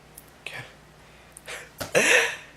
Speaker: so as I was turning on my camera I got assaulted with burps and costs and he was the worst